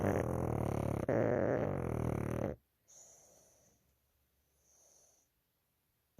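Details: Pug snoring loudly while sleeping with eyes open: a loud, harsh, rattling snore on one breath, followed by quieter wheezy breaths.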